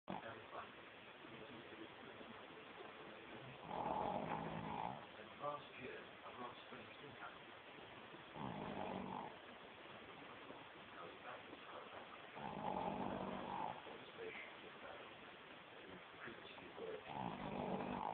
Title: Snoring